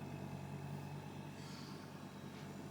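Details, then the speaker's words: The air compressor of an opened, working oxygen concentrator running: a steady low motor hum with a droning tone, and suction that seems weak for its claimed 70 kPa. "it is a normal air compressor and the air pressure which they claim to be up to 70 kilo pascal i don't think it really reaches up to 70 kilo pascal because as you can see the suction is not that much great"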